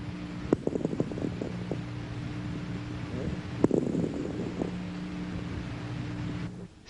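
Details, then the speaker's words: Crackles heard while the patient breathes deeply as the alveoli reopen; these are crepitant crackles: velcro crackles. "cuando el paciente ha logrado despegar los alveolos los estertores este tipo de estertor crepitante despegamiento"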